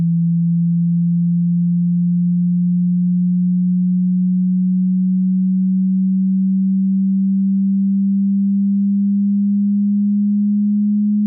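A steady, pure low-pitched tone that shifts slightly in pitch in steps. These are hearing test tones at different pitches.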